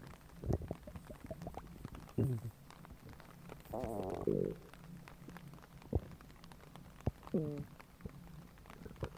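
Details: Stomach grumbling recording: low gurgling and rumbling bursts with scattered pops and squeaks from the belly; normal stomach growling.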